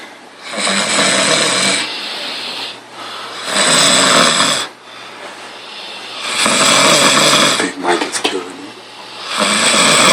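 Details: Man snoring in sleep: loud, harsh, rattling snores on each breath, about 20 a minute, with quiet gaps, heavy snoring.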